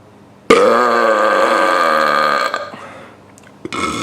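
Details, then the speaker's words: Deliberate, voluntarily produced burp by a person taking air into the stomach and releasing it: one long, loud voiced belch lasting about two seconds, then a brief second belch; small room. "today I'm going to show you how to burp step one take air to your throat to your stomach step 2 let it out"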